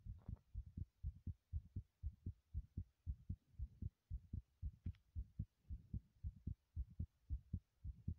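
Rapid, regular low thumping heartbeat at about 115 beats a minute, a quickened rate fitting exertion.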